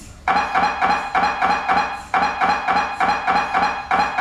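Loud rhythmic electronic knocking in fast repeating groups, with brief gaps between runs: the typical noise of an MRI scanner.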